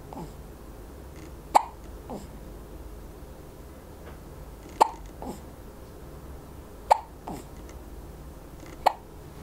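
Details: Four-week-old infant with hiccups: four sharp, brief hiccup clicks at irregular intervals over about nine seconds, each followed by a soft after-sound.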